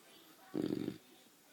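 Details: Young boxer dog fast asleep on a bed: a single low, fluttering snore on one breath; snoring.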